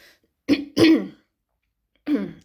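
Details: Short rough throat-clearing coughs, two close together then one more, in a quiet room, from an adult woman who says she caught a cold after standing in the cold: cough / throat clearing.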